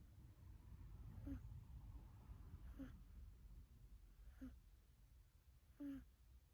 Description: 3 minutes video of a cat sleeping/snoring.